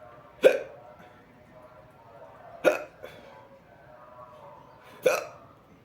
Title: My hiccups